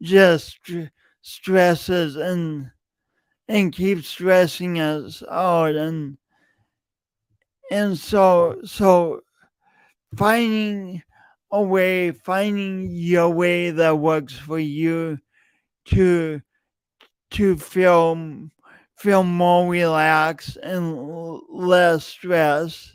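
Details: Adult man with a self-reported speech impediment, present for years and audible whenever he speaks; stuttering-type speech disfluency with repeated words.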